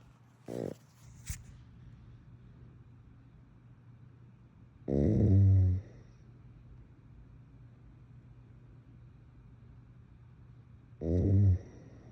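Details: Adult woman (wife) snoring loudly in bed during sleep: two loud, deep, rattling snores about six seconds apart over steady room hum; heavy snoring.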